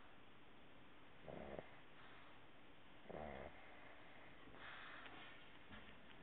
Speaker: She snores. She dreams. And she sleeps with her eyes open.